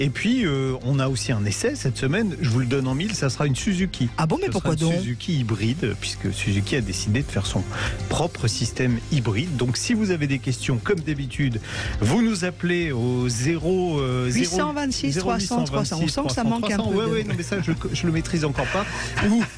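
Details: Adult male radio host; normal voice.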